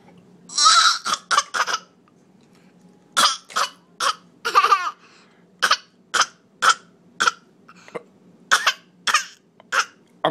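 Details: Sick toddler coughing: long run of short, sharp coughs, about fifteen bursts in ten seconds, some in quick clusters with quiet gaps; cough.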